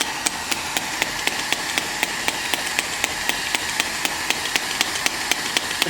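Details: Shock wave physiotherapy device (S18) firing on a gel-covered treatment area such as the shoulder: steady hiss with sharp, regular clicking pulses about four per second.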